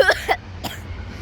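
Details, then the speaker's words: Person recording trains outdoors, with repeated coughing fits, gives two quick voiced throat bursts then a short harsh cough over low outdoor rumble; cough. "I sincerely apologize anyone wants to make fun of me for my horrible coughing fits then you"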